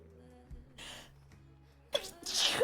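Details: A female streamer sneezes once: a sharp inward gasp, then an explosive burst of air, over soft background music.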